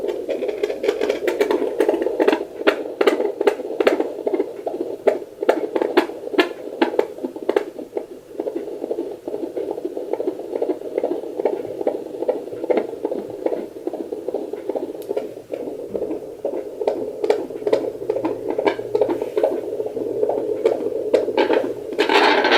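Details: Fetal heartbeat heard on a handheld home fetal Doppler (2 MHz probe, with gel) at 9 weeks of pregnancy: rapid, rhythmic whooshing pulses, with the display reading 141 beats per minute. Normal fetal heartbeat.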